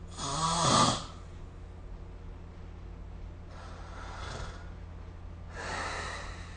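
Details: Three noisy snoring breaths during sleep, recorded with the SnoreLab phone app; the first is a loud, rattling snort and the later two are softer and breathier: snoring.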